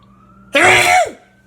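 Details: Sneeze deliberately forced by tickling inside the nostril with a toothpick: a single sharp, explosive burst of air through the nose and mouth lasting about half a second.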